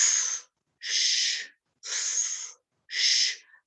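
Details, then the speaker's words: Pediatric semiology lecture example: four harsh, hissing breath sounds about a second apart, around 60 a minute, adventitious breath sounds with air entering and leaving with great difficulty, in a child with rapid, shallow breathing. "vai escutar alguns ruídos como se fosse um ambiente sem oxigênio e de vez em quando você escuta um barulhinho de ar entrando e de ar saindo com grande dificuldade"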